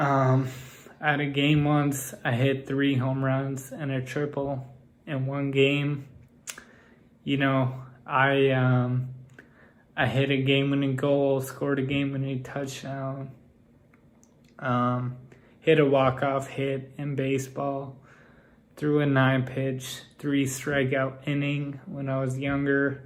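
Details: Ataxic dysarthria in a man with Friedreich's ataxia whose speech has grown progressively more impaired.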